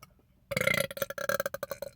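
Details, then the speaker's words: Adult man burping after drinking soda: after a brief quiet moment, one loud, long, rumbling burp with a pulsing, croaky quality lasting about 1.5 seconds; burping. "there's something to be said about those i know that like [ __ ] like them like big like echoing one"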